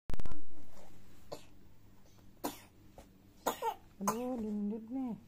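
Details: Child turned away from a morning immunization appointment because of an ongoing cough; coughing.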